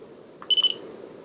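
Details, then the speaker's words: Home infusion pump, demonstrated without cassette: two soft clicks then three short high-pitched electronic beeps, alarm for no cassette inserted. "and then it'll start beeping continuously and it's a very annoying beep that you guys just heard"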